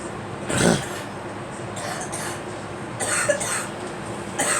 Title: Girl coughing